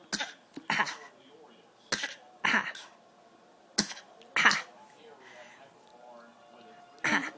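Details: Young child sitting in a parent's arm on the couch gives a series of short, deliberate fake coughs separated by quiet pauses; voluntary cough.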